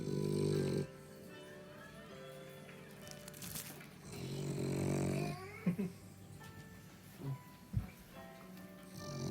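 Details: French bulldog snoring heavily while seemingly half awake with eyes opening: loud, rumbling snores with background music.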